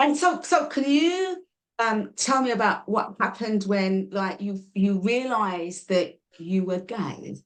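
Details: Adult speaker; normal conversational speech.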